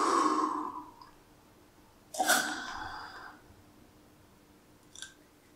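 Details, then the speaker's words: Demonstration of metered-dose inhaler use without a spacer: a long breath out, then a sharp spray hiss as the device is pressed at the start of a slow inhale, then quiet during a breath hold before slow release; correct technique. "what i've done there is basically as i was starting to inhale back in i just pressed on the device it triggered and i just inhaled most of that that mist inside my lungs held it for a couple of seconds and slowly released"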